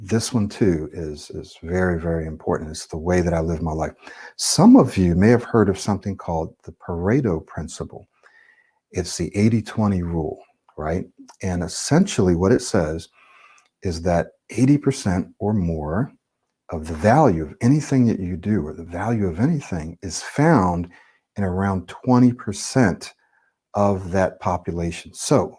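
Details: Adult male speaker; no speech disorder.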